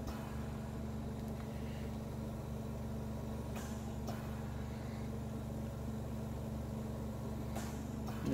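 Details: Continuous low motor hum with a faint rhythmic pulse and occasional hiss from a running oxygen concentrator with a 0–5 litre flow meter, oxygen purity reading about 90%.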